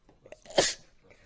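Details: A single sharp, hissing sneeze burst with a soft breath intake just before it, from a girl.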